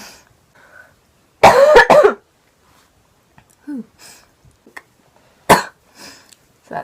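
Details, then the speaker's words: Young woman with a lingering cold, coughing while smoking. A loud burst of about three quick harsh coughs, then quieter throat clearing and short coughs in a quiet room. "I almost just coughed into the bowl and made it go everywhere. I have a I still have a little cold right now."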